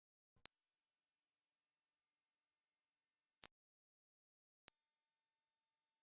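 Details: Two steady, very high-pitched pure tones above 8000 Hz, separated by silence, the second higher, in an ear-age hearing test meant for headphones; hearing all tones suggests under 20, as high-pitch hearing fades with age.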